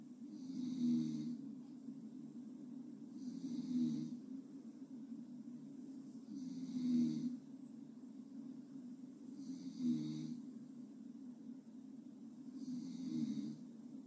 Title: Gently Snore